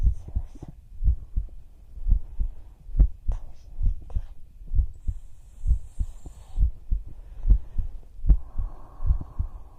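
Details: Female ASMR roleplay, listener's ear on her chest while lying together whispering: soft, regular low thumps at about 67 beats a minute, with faint whispering and room hum; normal heart sounds.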